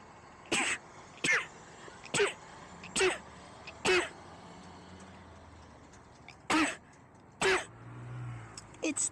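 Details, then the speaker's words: Photic sneeze reflex in an adult scooter rider: eight sneezes in quick succession, triggered by looking at the bright sun; the rider calls it genetic. "the sun. She makes me sneeze. Does that make you sneeze? Like when you look at a bright light, makes you sneeze. That's genetic."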